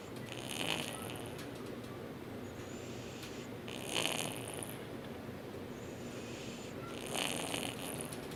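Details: A sleeping cat snoring: soft, rhythmic, wheezy snores at about 18 breaths a minute, with a steady background hiss.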